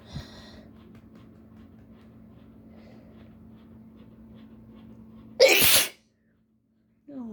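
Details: Adult with allergies, sneezing on purpose with fresh chickpea after a tickling, burning build-up; after room hum, one sudden forceful sneeze.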